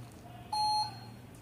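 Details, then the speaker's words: 50 ml syringe pump (infusion pump) switched on with a long press of the power button: a single short, clear electronic start-up beep in a quiet room. "اول حاجه بقى نشغل ازاي نشغل من الاف ده تمام نضغط ضغطه مطوله كده تمام ونستنى لما الجهاز بتاعنا"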